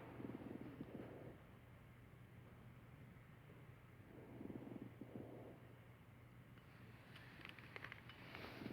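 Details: Simulated lung sounds on a mannequin of community-acquired pneumonia (CAP), played in a series of adventitious breath sounds.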